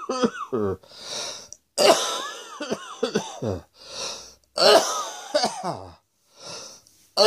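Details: Cough.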